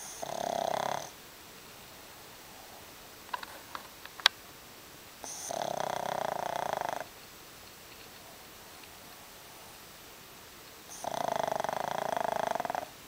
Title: Snoring.